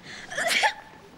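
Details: Acted sneeze in a dramatized scene: a single forceful, sharp hissing sneeze in a sneezing fit.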